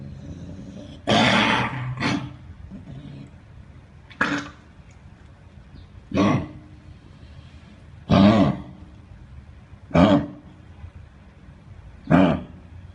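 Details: Dog at a veterinary clinic: six harsh, honking coughs roughly two seconds apart, with soft breathing noise between.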